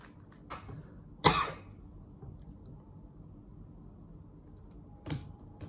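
A single short, sharp cough from an adult, with faint clicking and a steady high-pitched electronic whine in a quiet room.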